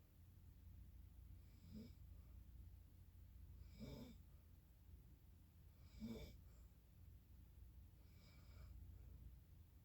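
Four low rattling snores about two seconds apart, about 28 a minute, over a steady low room hum; ordinary snoring during sleep.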